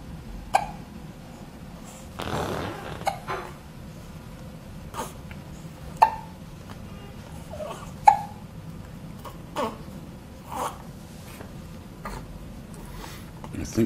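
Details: Three-week-and-one-day-old newborn with hiccups, arms and legs constantly moving under a blanket: short, sharp hiccups repeating irregularly every one to two seconds over quiet room noise, brief rustle.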